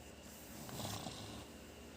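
A rough, rattling breath sound swelling in the middle of the clip over steady room noise; snoring.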